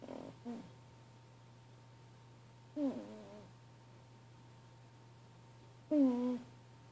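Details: Sleeping cat snoring with a nasal whistle: short, high-pitched whistling squeaks recurring about every three seconds, roughly 20 per minute, in a quiet room.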